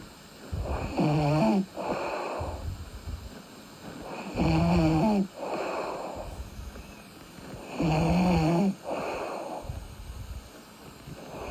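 Loud, vibrating snores on each in-breath, with a softer noisy out-breath after each, about 17 breaths a minute: snoring during sleep.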